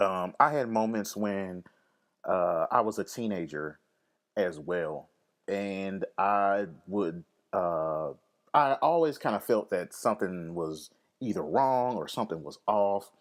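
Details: Speaker with lifelong occasional stammer, linked by the speaker to anxiety, fear of public speaking and depression; stuttering (stammer).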